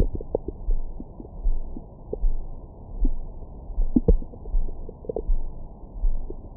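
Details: Recorded with a Stemoscope stethoscope microphone on the belly after a large meal: low rumbling with scattered gurgles and brief squeaks over a steady hum, stomach growling, normal bowel sounds.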